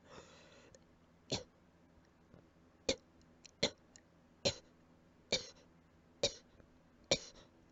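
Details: Seven short, quiet, dry coughs at uneven intervals over a few seconds with soft breathing between, attributed to allergies; allergic cough.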